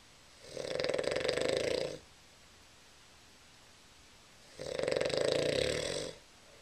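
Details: Two loud, rough, rattling snores about four seconds apart, each about a second and a half, from a sleeping man told to roll over; snoring recorded with a Flip Video camera.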